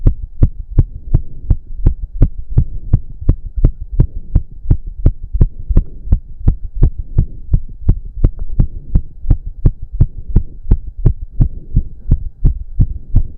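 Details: Male's heartbeat during an intense 15-minute cardio workout with heavy breathing, reported close to 200 bpm: rapid, regular, strong beats about 170 a minute over a low steady hum; exercise-induced sinus tachycardia.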